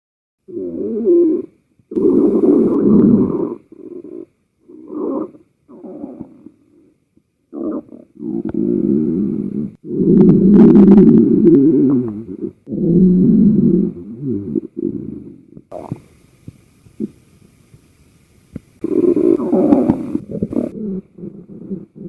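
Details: One person's own stomach growling, recorded as sound only: loud, low gurgling and rumbling bursts of varied length.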